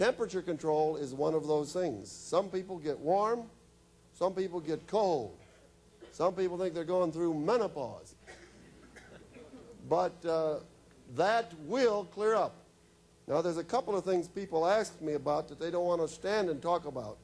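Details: Adult male speaker; normal speech.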